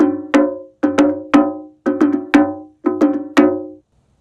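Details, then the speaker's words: Simulated sound of a regularly irregular ECG rhythm: wood-block beats in groups of three separated by pauses, pattern of three-break-three; irregular between QRS complexes but repeating as an overall pattern. "Or there's regular irregular where the rhythm as a whole has a pattern, but QRS to QRS to QRS doesn't necessarily line up all the way across the strip. If it were converted to sound, it would sound something like this."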